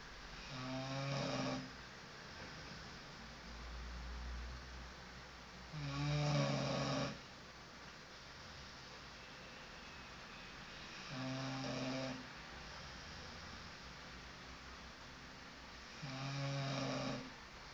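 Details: Loud, regular, fluttering snoring about every five seconds, roughly 12 breaths a minute, with quieter breaths between.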